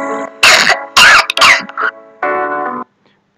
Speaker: كحه بيبقى فيه صوت عامل زي الميتاليك ساوند. غالبا الميتاليك ساوند ده بيجي بسبب ايه؟ بسبب ان في التهاب في التركيه، والتركيه كلها رينجز،